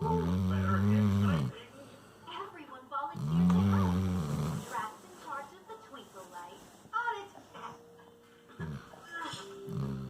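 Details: Two long, loud, low rumbling snores, then quieter irregular breathing noises with faint background sounds; snoring.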